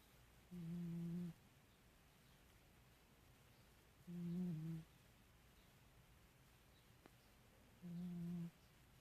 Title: Liar cat snoring